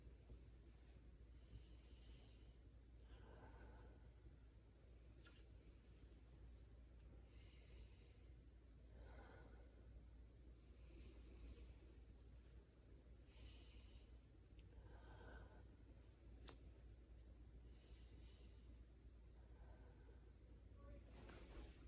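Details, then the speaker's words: Student nurse auscultating a healthy patient's front chest with a stethoscope: breath sounds even and bilateral, no wheezing or crackles, normal breath sounds. "sounds were even bilateral um no wheezing"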